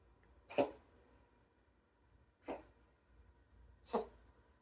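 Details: Sphynx cat with an occasional cough that the owner cannot explain: three short, soft, separate expulsive bursts spaced a second or more apart in a quiet room.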